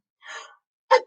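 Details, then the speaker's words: A simulated sneeze, imitated by an adult teaching children sneeze hygiene in a bathroom: a soft drawn-in breath, a short pause, then one sharp explosive burst. "remember i told you the proper way to sneeze was in your elbow like a vampire or in your shirt or with kleenex or tissue"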